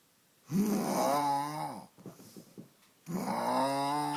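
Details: Animal nicknamed a llamacorn snoring: two long, droning, voiced snores with a soft fluttering exhale between them, in a quiet room.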